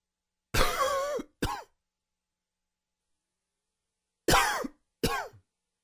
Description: Here is a quick, dry and wheezy cough.